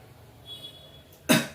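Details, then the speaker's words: Directed cough demonstrated for after cardiac surgery, with the chest incision supported: a deep breath, a five-second hold, then a single forceful cough to move phlegm from the sides toward the centre of the chest for clearing. "First deep breathing ಮಾಡಿ next ಐದು second ಇಟ್ಕೊಳ್ಳಿ ಆಮೇಲೆ ಜೋರಾಗಿ ಕೆಮ್ಮಿ"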